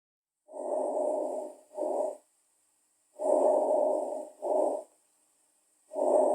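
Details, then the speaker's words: Diminished vesicular breath sounds, played for comparison after normal breath sounds: very soft, muffled, faint rustling over the lung, quieter than normal. "e agora eu vou colocar o número vesicular diminuído ele é bem baixinho talvez alguém vai ter que aumentar o som para poder escutar"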